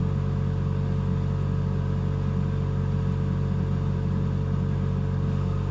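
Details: Neonatal ventilator in the NICU: a steady low mechanical hum with faint rapid pulsing; ventilator operating sound.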